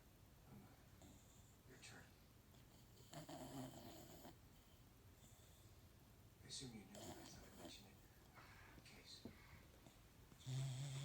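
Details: Snoring in a sleeping pet: soft, irregular, snorting snores over low room noise.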